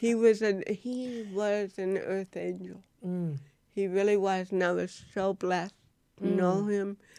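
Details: Dysarthria in an adult woman, an actress, who has cerebral palsy.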